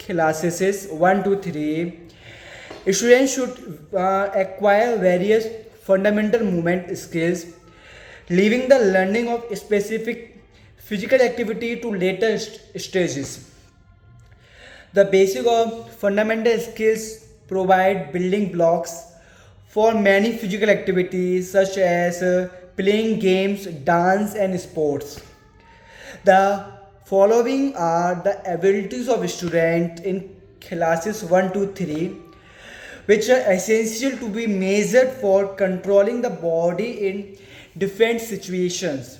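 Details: Man who stammers reading an English passage aloud as his daily stammering-overcoming practice; stuttering.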